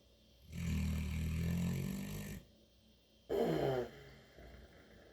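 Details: St. Bernard dog snoring unusually: long, deep, rumbling snore on the in-breath, then a shorter snorting breath out; owner has not heard her snore like this before.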